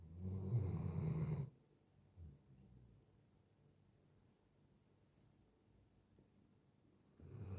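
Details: Five-year-old Doberman snoring in his sleep: deep low snore on one breath, a pause of quiet breathing, then the next snore; ordinary sleep snoring, real unedited recording.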